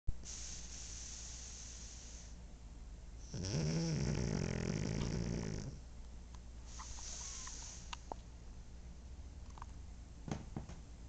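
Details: Pug asleep snoring: a loud rattling snore on the in-breath, with quieter breathing between, from a sleeping small flat-faced dog.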